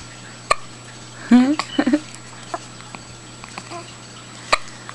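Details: Baby aged three weeks, 2 days: two sharp, abrupt hiccup sounds about four seconds apart, with a brief voice between them; hiccups.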